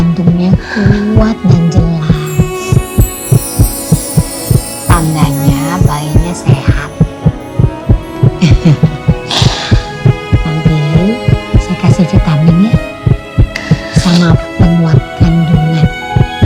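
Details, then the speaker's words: Fetal heartbeat of an embryo at about 8 weeks of pregnancy, heard during an ultrasound exam after a first pregnancy is confirmed: steady, strong rhythmic thumping from the ultrasound monitor with music underneath. The scene is dramatized. "Mau dengar detak jantungnya? Ya, kita dengerin ya."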